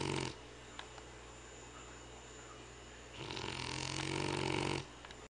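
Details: A French/English Bulldog mix snoring in sleep: a brief snort, then after a quiet pause one long, rattling, low buzzing snore on the in-breath.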